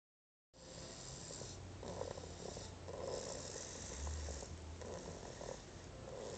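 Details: Snoring.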